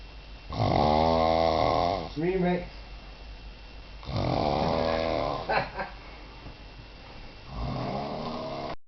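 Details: Man passed out drunk after cider: loud, rough, rattling snores on two long breaths about four seconds apart, with a quieter third; snoring.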